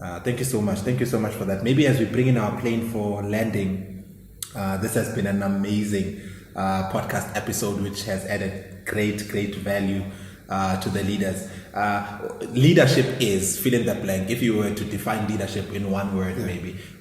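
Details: Adult male speaker; normal speech.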